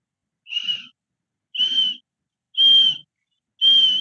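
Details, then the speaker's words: Paediatric respiratory infection teaching example: high-pitched musical whistles about once a second with each breath; wheeze from lower-airway obstruction, mainly expiratory but inspiratory and expiratory when advanced. "Y la sibilancia más es expiratoria, aunque en un cuadro avanzado va a ser inspiratoria y expiratoria, y eso es como un silbido, ¿no es?"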